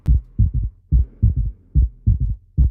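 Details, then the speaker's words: Gallop rhythm (S3 or S4) in a heart failure teaching case, the same sound heard over all cardiac auscultation areas; S3 gallop. "Ritmo de galope. Ya, o sea, el ritmo de galope se puede referir a S3 o S4,"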